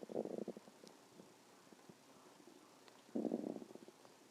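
Two bubbling, gurgling rumbles about three seconds apart with quiet between: normal stomach growling from gas and fluid moving through the gut.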